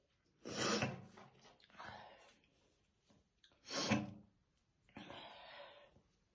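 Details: Real, unacted morning coughing fit of a female smoker brushing her hair: two heavy, deep, chesty cough bursts, each followed by a long rasping breath in, in a quiet room; smoker's cough.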